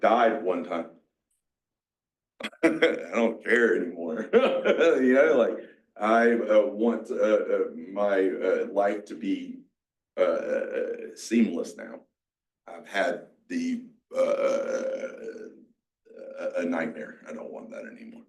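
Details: Aphasia in a 47-year-old male, a mix of Broca's and Wernicke's, after a massive stroke 6 years ago; he had to relearn to talk.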